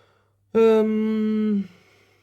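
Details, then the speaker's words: Adult's stomach rumbling on an empty stomach, no breakfast for a long while; a single steady, low, tonal growl lasting about a second. "euh je crois que vous avez entendu mon ventre gargouiller non certainement j'ai pas pris mon petit déjeuner il y a longtemps"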